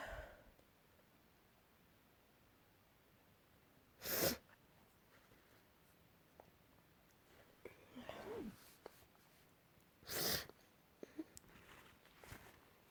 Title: Morning sneezes